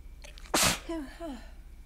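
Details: Single loud, explosive sneeze after a quick in-breath, followed by a short voiced sound, from a person's allergy attack in a sneezing fit that grows from normal to forceful, congested sneezes; sneezing.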